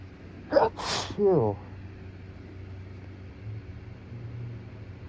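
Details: Two forceful, wet-sounding morning sneezes in quick succession, each with a sharp intake before the burst, caught in tissues, part of a rapid sneezing fit that continued even after nose-blowing.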